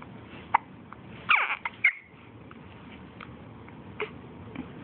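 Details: Hiccups while being talked to after a shopping trip: short, sharp catching sounds over quiet room noise.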